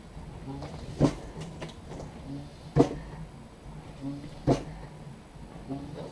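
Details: CoVent B Mark II emergency mechanical ventilator built from off-the-shelf parts, driving a surgical glove used as a test lung: regular mechanical clunks with a faint motor hum, about 35 cycles a minute.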